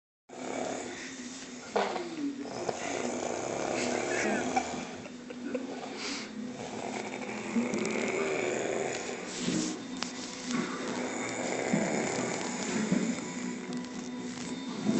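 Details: Very drunk man asleep on a couch, snoring: rough, rattling breathing with irregular loud bursts.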